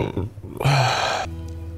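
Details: Loud, prolonged rumbling belch lasting over half a second, followed by music; burping.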